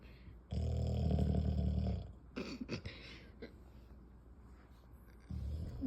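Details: Loud, deep, rattling snore of about a second and a half, with a softer snore starting at the end; ordinary heavy snoring.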